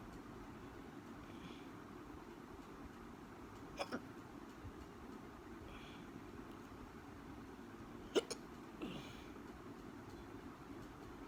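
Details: Hiccups: faint, abrupt gulping catches recurring every few seconds over steady room hum.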